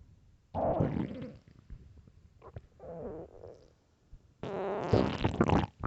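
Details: Loud hunger stomach growls (borborygmi), recorded for headphones: gurgling, rumbling bursts from the belly with quiet gaps; a normal gut sound.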